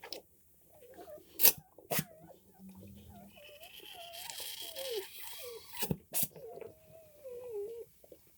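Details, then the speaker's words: Newborn German Shorthaired Pointer puppy, just whelped, cries high and squeaky, with faint wet gurgling from fluid still in the airway after birth: airway gurgling. "Still hear a little gurgles, so I'm gonna."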